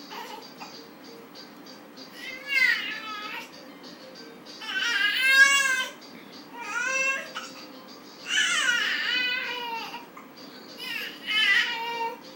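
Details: 4-month-old baby girl screaming out loud without apparent reason: several short, high-pitched wavering cries and squeaks separated by pauses, over low room hum.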